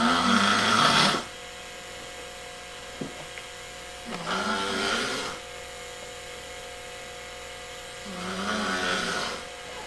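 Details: Three loud, rough snores about four seconds apart, roughly 15 a minute, with steady room hum; ordinary snoring during sleep.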